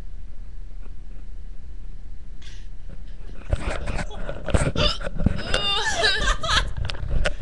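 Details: Girl laughing, with a loud hiccup right after each laugh: sharp, brief catches in the voice come irregularly, mixed with giggling and laughter over steady background noise: hiccups.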